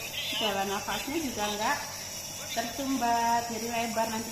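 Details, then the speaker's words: Nebulizer running with salbutamol for a young child who is sick with a cough and sticky phlegm: a steady high hiss under the child's wordless vocal sounds. "dan hari ini mau Nebu ini dari belakang lagi sakit lagi batuk jadi di Nebu ini isinya obatnya adalah asal asal Nebu asal Salbutamol"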